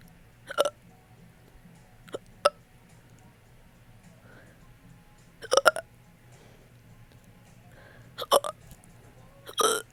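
Sharp voiced hiccup sounds, some paired or burp-like, recurring irregularly over a quiet room background: hiccups.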